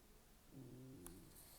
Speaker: Can you hear my stomach rumbling?